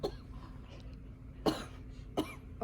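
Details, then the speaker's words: Three short, harsh coughs a second or so apart, acted in a simulation of an 85-year-old woman with COPD exacerbation, four-plus pitting edema, bilateral upper-lobe crackles and diminished lower-lobe breath sounds. "she has a horrible cough upon auscultation she has crackles and her upper leg bilaterally she still has diminished breath sounds in her lower lip bilaterally"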